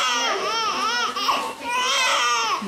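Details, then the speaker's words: Newborn boy of insulin-treated diabetic mother cries in two loud, strained wails during heel-prick blood sugar test for low blood sugar risk; glucose 2–2.8, low. "Now, the doctors have to test the baby's blood sugar level. This is going to make him cry."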